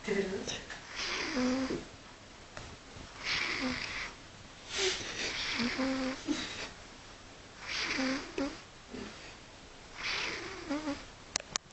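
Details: A cat snoring: repeated snuffly breaths, about 26 a minute, each with a whistling, wheezy edge.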